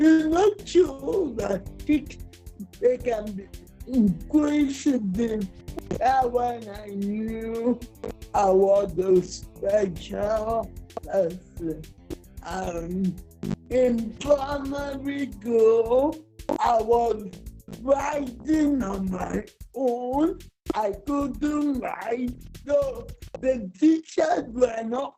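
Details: Dysarthria in a 47-year-old woman with cerebral palsy that presents through her speech.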